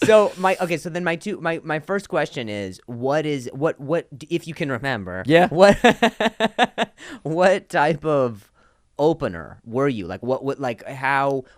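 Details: Adult male comedian who stutters and links his stutter to an injury; real speech with repetitions of words and phrases; stuttering.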